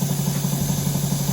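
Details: Air-driven dental motor with irrigation, used in place of a clinical micromotor, running; steady low hum with fast, even pulsing flutter.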